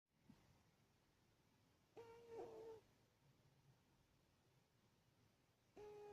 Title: Sleeping Cat Snoring